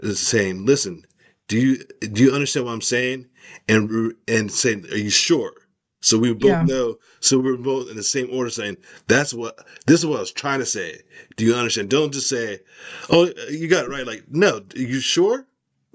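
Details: Adult male with aphasia after a stroke, with word-finding difficulty and trouble saying words: aphasia.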